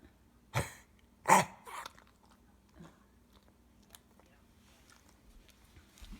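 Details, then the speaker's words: Pet dog giving two or three harsh, forceful hacking coughs, repeatedly, not dry heaving, stomach not convulsing, not vomiting; recorded to send to the vet; then quiet room noise. "He just like but it's not even. It's more like a cough, like a hacking. It's not. It doesn't seem. It's not dry heaving."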